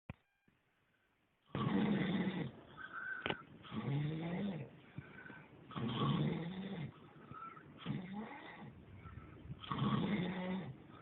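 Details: Adult male (stepfather) asleep: rhythmic, low, rattling snores with softer breaths between, about 15 a minute; snoring.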